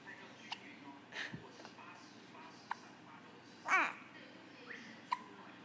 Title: Baby hiccups